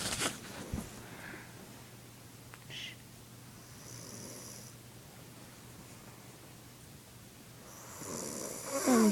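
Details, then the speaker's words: Young child sleeping, soft faint snoring with slow breaths against quiet room noise, despite her claim that she does not snore. "marie lynn is sleeping right now and she's been telling me and mary jane say hi hi that she does not snore and right now she is very much doing nothing but snoring"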